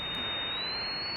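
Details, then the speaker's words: Simulated tinnitus modelled on a 33-year-old man's constant ear ringing, built with an audio engineer: steady high-pitched tone gliding slightly upward over constant white-noise hiss, like consistent subway screeching. "The white noise is kind of always the bass, and then on top of it, a constant drone."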